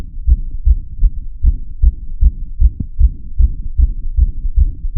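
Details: Regular heartbeat heard through a stethoscope, with the audio tweaked afterwards: steady, deep, muffled paired lub-dub thumps at about 75 beats per minute, shown alongside a heart rate display.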